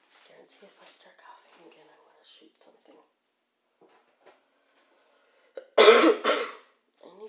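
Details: Persistent cough from a sick adult whose sinuses are clearing, with a slightly sore, tense throat: faint talk, then two strong, harsh coughs in quick succession.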